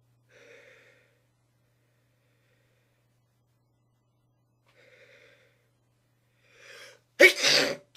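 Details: Person trying not to sneeze: a few faint catching breaths, then one sharp explosive sneeze breaking through.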